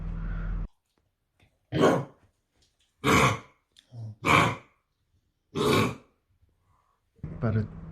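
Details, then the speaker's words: Kennel cough in a yellow Labrador puppy, vaccinated against it, coughing in the early morning before an emergency vet visit; owners first thought he was vomiting. Repeated harsh, honking, hacking coughs with a gagging quality. "No last night taco wake us out coughing we thought it was vomiting"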